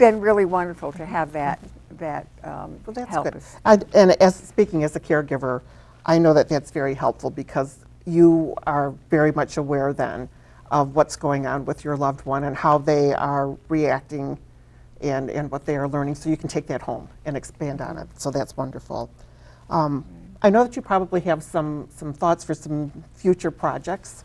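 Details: Adult woman speaking; normal fluent speech.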